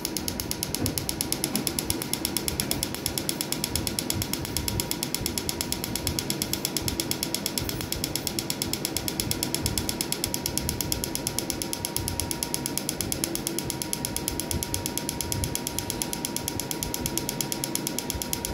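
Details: Rapid, steady clicking of a pico laser firing, with a faint high tone throughout; first session of laser removal of a dense, embossed, richly coloured tattoo on a woman after numbing gel.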